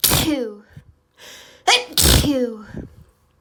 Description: Allergy rapid desperate sneezing fit! (It was insane)￼